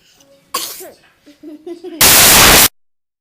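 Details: Brief voiced lead-in sounds build to one loud, explosive burst of air that cuts off abruptly: a single sneeze.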